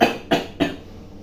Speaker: excusez-moi je tousse un peu de la Comédie Française